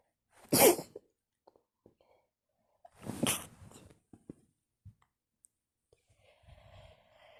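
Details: Sneeze attack in bed at night: two forceful sneezes a few seconds apart, each with a sharp hissing burst, followed by quiet sniffs and rustling.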